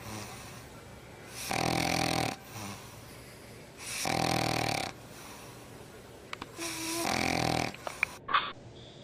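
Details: Sleeping maltipoo puppy snores in three long, rattling breaths spaced a few seconds apart, with quiet room noise; ordinary snoring.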